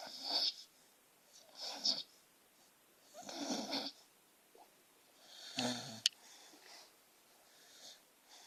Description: Beagle Mix talks, twitches and snores in her sleep.